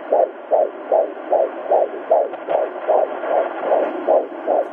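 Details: Fetal heartbeat on handheld Doppler: rapid, regular whooshing pulses at about 150–153 beats per minute.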